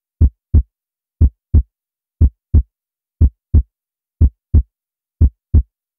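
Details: Steady paired low thumps at about 60 beats a minute of a person's own normal heartbeat, heard unaided in the near-total silence of an anechoic chamber.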